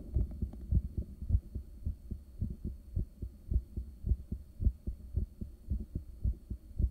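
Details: Steady, rhythmic whooshing heartbeat at roughly 105–110 beats a minute, fairly forceful, over a low hum. Self-recorded by ultrasound at rest in the early morning, soon after waking, caffeine and morning medications. Resting heartbeat.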